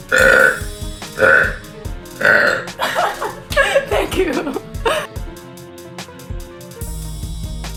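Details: Several loud, deep, voiced belches in a row from a girl after eating a chicken sandwich, with music and brief talk behind them; repeated burping.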